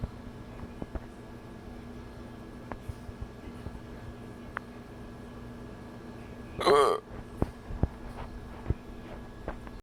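Faint clicks over room noise, then one short, abrupt voiced gulp. This is a hiccup.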